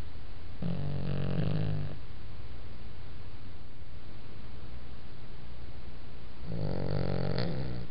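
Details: Ordinary snoring during sleep: two low, rattling snores about six seconds apart over a steady background hiss.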